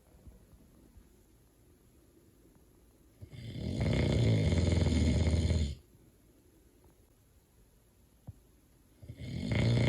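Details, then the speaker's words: Sleeping adult man heard from outside the bedroom door: a loud, coarse, rattling snore lasting over two seconds, then quiet, then another beginning; snoring. "But I'm gonna try and turn the light on so I can get proof that he's snoring so loud right now. I think you can hear him outside our door here, but he needs proof to see his face."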